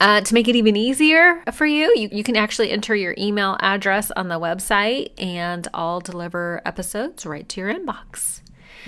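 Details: Adult speaker; Normal speech.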